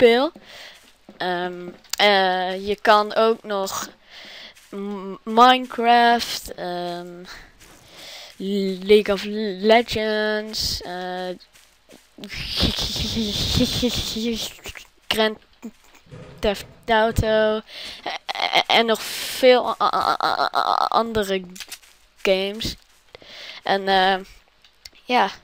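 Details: Suspected stuttering in a Dutch-speaking male gaming host, inferred from his channel being named "Stuttering Games".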